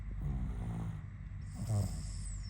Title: When She Snores 😴